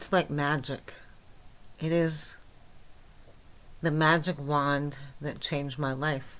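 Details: Adult woman with myasthenia gravis since age 8, with speech and swallowing problems, speaking without her speech appliance; she says listeners can understand her, though not perfectly: myasthenic dysarthria.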